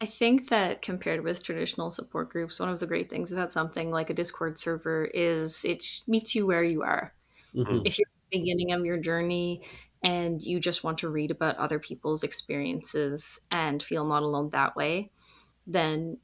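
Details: Adult woman speaking; fluent speech.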